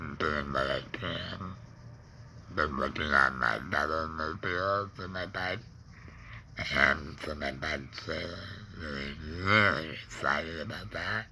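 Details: Adult man, laryngectomee neck breather with a stoma after cancer (tongue cancer tagged), with tongue pain, speaking in real connected speech; alaryngeal speech after laryngectomy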